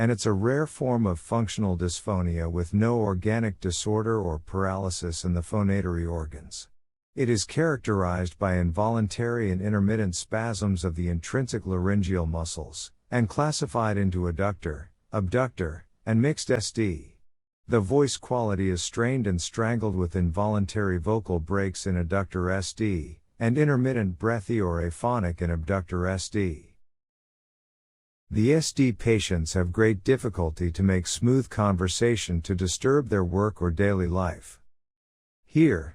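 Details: Adult male narrator, possibly synthesized voice; normal speech.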